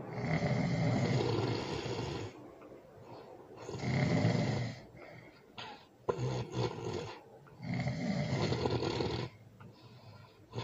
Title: #ASMR #SNORING #LOUD ASMR loud snoring with baby